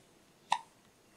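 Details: Baby boy with hiccups late at night while getting ready for bed, also spitting up a little: a single short, sharp hiccup in a quiet room.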